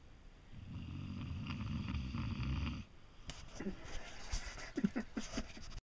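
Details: Snoring: one long, low, rattling snore on the in-breath, then quieter breathing with soft snuffles and clicks.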